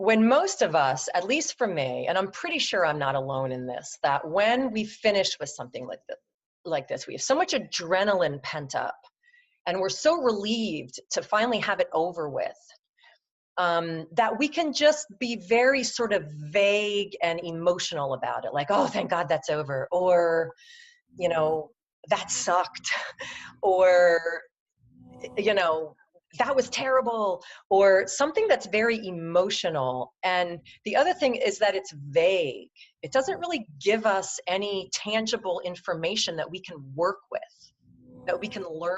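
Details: Stuttering in an adult woman, a leadership coach, who has stuttered for as long as she can remember; it comes and goes with good and bad speech days.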